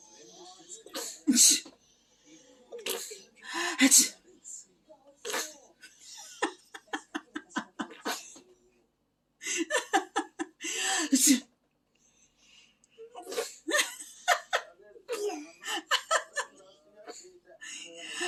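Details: 8-month-old baby imitating a sneeze: repeated short breathy bursts and giggly vocal sounds, a playful imitation rather than a real sneeze.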